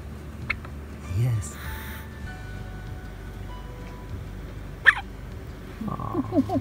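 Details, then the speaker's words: Two soft, sharp hiccup clicks a few seconds apart from a micro-premature baby boy, born at 26 weeks weighing 1.6 pounds and cared for in the NICU, over room hum. "He's doing his hiccups. Can you hear it?"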